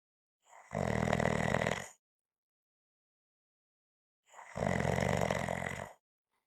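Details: Snoring: two rough, fluttering snores, each over a second long, separated by silence.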